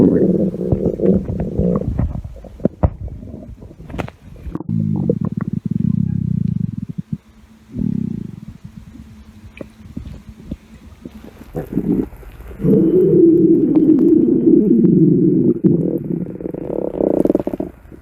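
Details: Woman's stomach growling while she wears a bikini: long, low gurgling rumbles with bubbling pops and close rustling noise; borborygmi.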